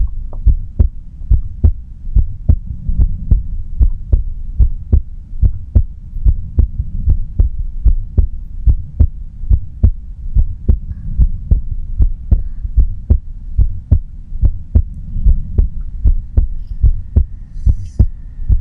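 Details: Steady, regular, low thumping heartbeat at about 72 beats a minute with a faint hum underneath, recorded quietly with no talking; a normal resting heart rhythm.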